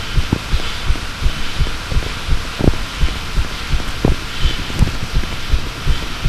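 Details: Steady low thumps of a heartbeat under a faint hum, paired beats at roughly 80 a minute; second attempt at a heartbeat recording.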